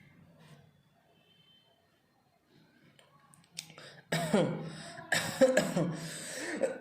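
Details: After a quiet stretch, an adult gives two or three forceful, deliberate coughs in a small room: voluntary cough.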